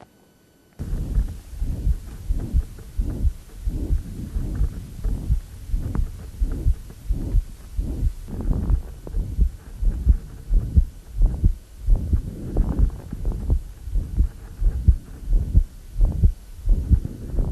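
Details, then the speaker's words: Woman in pulmonary edema with crackles and a thrusting precordium; regular heartbeat about 88 a minute with a harsh, high-frequency murmur through all of systole, loudest just short of the apex: holosystolic murmur of acquired ventricular septal defect. "you can hear crackles she's in pulmonary edema now we hear the murmur holosystolic high frequency"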